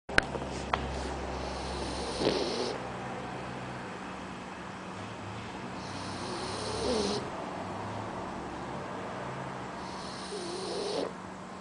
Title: Boxer Puppy "Snoring his cute lil ass off"